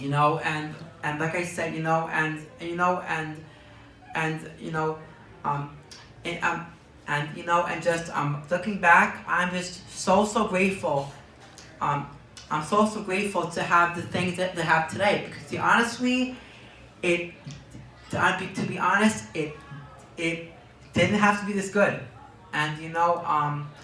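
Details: Young man diagnosed with Tourette syndrome at age four who reports twitching and tics, speaking in an interview; Tourette syndrome with word and phrase repetitions.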